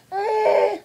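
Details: Single short, loud, tonal wail of a baby crying when pizza is taken away; ordinary infant cry.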